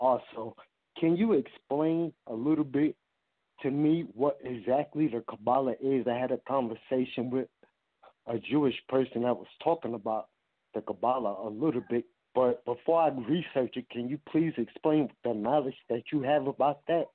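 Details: Adult male caller with essential tremor, who says his tremor can be heard in his voice; vocal tremor (essential tremor).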